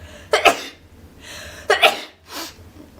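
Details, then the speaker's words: Sneezing from an adult with a very itchy, irritated nose, attributed to allergies: two sharp, explosive sneezes, each preceded by a quick inhaled breath, with a soft breath afterward. "My nose is very itchy and irritated. I don't know why."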